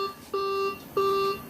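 Two steady electronic beeps, each about a third of a second, over room hum; a ventilator's normal start-up tone.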